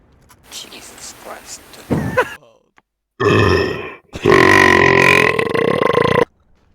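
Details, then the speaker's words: Adult man burping while gaming: loud, long, throaty burps following a few spoken words. "yeah yeah sorry about that I had to let that one out"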